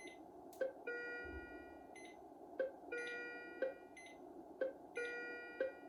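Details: Philips IntelliVue MP30 patient monitor alarm, ISO and traditional tones, paired short beeps with held tones cycling about every 2.4 seconds; simulated ECG rhythm, ZOLL E Series sync and charge pressed manually.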